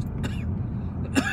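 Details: Two brief, dry cough or throat-clearing bursts from an adult talking in a vehicle over steady engine rumble, followed by "excuse me again"; cough.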